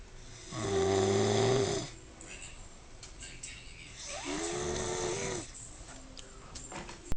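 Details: Person snoring: two long, rough, vibrating snores on breathing in, separated by quiet breathing out in a small room; ordinary snoring.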